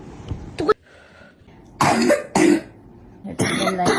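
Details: Several short, harsh cough bursts with throat clearing from an adult woman with a viral illness.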